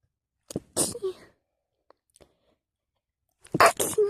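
Two sneezes, each a sharp intake followed by an explosive burst, with a few faint clicks in between.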